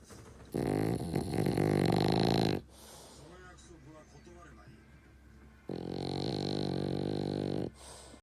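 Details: A French bulldog in deep sleep with eyes half-open, snoring loudly: two long rattling snores on breathing in, with quieter snuffling between them.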